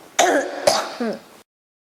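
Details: Persistent cough that will not stop; persistent cough.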